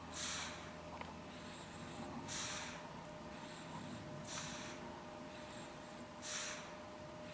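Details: Infant sleeping in her stroller, snoring lightly: soft, hissy, nasal snorting breaths about every two seconds over steady room noise.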